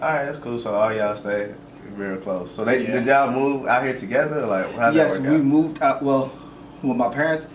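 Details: Adult male speaker; normal speech.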